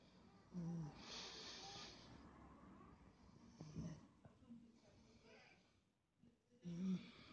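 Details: A sleeping, napping grown cat (once a kitten) snoring with soft, irregular breaths and faint room noise in the background; snoring.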